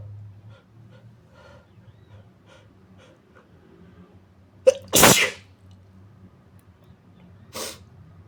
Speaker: Sorry. Oh, it tickles. Just sneeze. Oh, bless me.